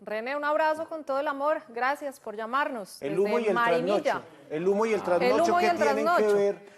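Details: Adult woman speaking Spanish; typical speech.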